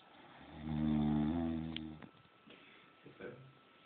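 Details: Snoring from someone sleeping while others study at dawn: a single long, low, rattling snore on an in-breath, then quiet room noise and faint shuffles.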